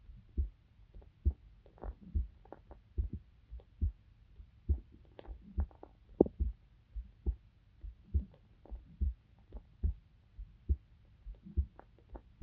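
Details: Recording of a female university student's own heartbeat made for sleep-inducing ASMR: soft, regular low thumps at about 70 beats a minute; normal heart sounds.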